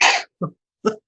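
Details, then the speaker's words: Cat coughing up a hairball, heard in the background of a podcast recording: three short, harsh hacking bursts as the cat works to bring it up. "and if you can hear that sound that's the sound of a cat coughing up a hairball"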